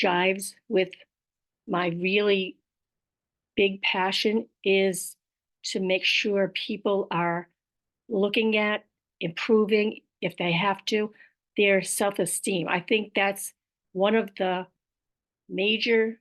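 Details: Aphasia with apraxia of speech in an adult woman; she describes her apraxia as a motor planning disorder in which sounds come out in the wrong order.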